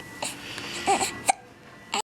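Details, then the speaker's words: Two-month-old infant boy with hiccups: short, abrupt catches of breath amid fussing and soft noises over room noise while father records; hiccups. "you can't stop hiccuping you're on camera daddy is recording this handsome man"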